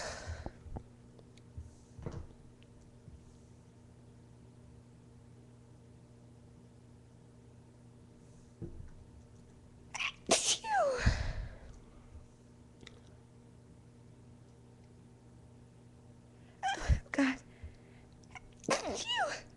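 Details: Induced sneezes from a woman: in a quiet room, two sharp sneezing bursts with short breathy build-ups.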